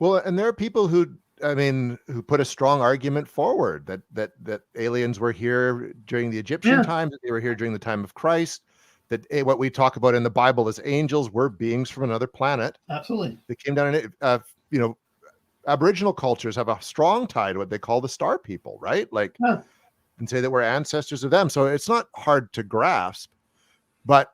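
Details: Adult male speaker; normal speech.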